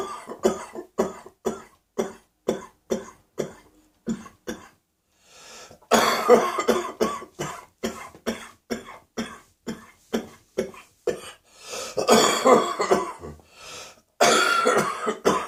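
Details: Adult morning coughing with a sore throat: repeated short coughs, some wetter and deeper, as the cough descends into the chest; a chesty cough.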